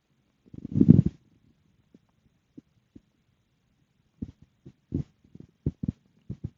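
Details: Stomach growling after eating dinner: a long low growl, then scattered short gurgles and pops; ordinary digestive bowel sounds.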